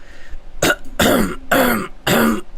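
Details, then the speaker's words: Adult livestreamer coughing on purpose during a trading stream while asking viewers to count the coughs: a deliberate cough. "you caught it guys you caught it that was just me coughing"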